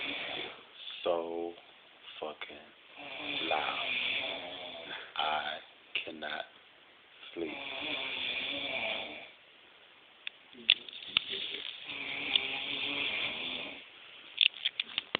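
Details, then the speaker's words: Sleeping man snoring very loudly, recorded on a smartphone: repeated rattling, throaty snores at a slow rate with a few snorts between; muffled, tinny sound. "He's snoring so loud."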